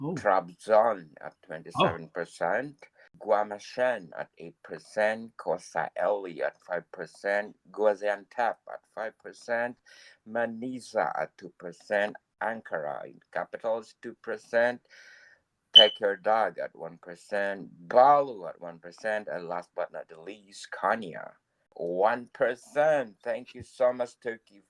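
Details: Adult male speaker; normal speech.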